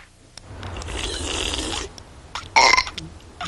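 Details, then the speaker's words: Cartoon burping contest between kids: a long rumbling belch followed by a shorter loud burp; deliberate, ordinary belching. "I do not allow burping in this house the show must go on no burping and when I say no burping what do I name yeah that's right no burping"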